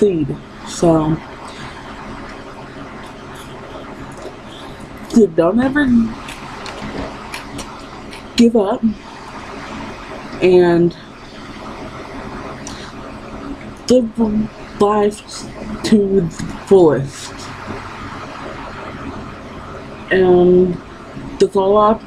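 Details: Woman with lifelong stuttering that persists despite therapy.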